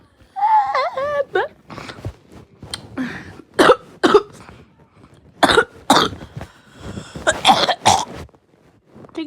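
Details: Child's cough: brief speech followed by a few short, sharp dry coughs and a throat clear.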